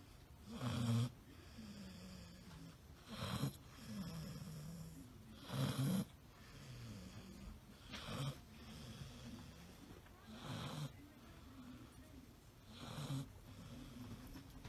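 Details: Person sleeping soundly on a sleepover, snoring: loud, rough snores on each breath in, about 12 a minute, with quieter breathing between.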